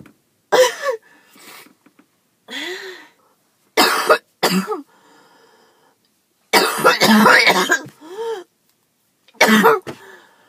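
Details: Person who skipped breathing treatments several times in a row, with chest pain: loud harsh choking, hacking coughs in bursts with strained breaths between; allergies hoped as cause.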